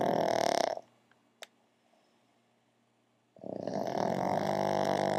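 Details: Two pugs sleeping on a couch: loud rattling snores with a quiet pause between them; snoring.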